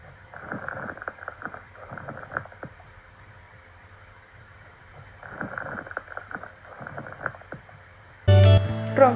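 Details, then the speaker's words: Two breaths of scattered popping, bubbling crackles over the chest, an abnormal lung sound example in a physiotherapy auscultation lesson listing hemorrhage, pus, pneumonia and edema as causes; crackles. "Los cuatro más frecuentes son esteromas, sonidos chaqueantes, burugurantes y estrepitosos, causa hemorragia, pus, neumonía y edema."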